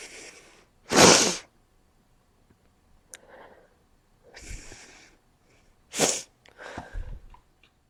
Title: Cold sneezing (very sneezy)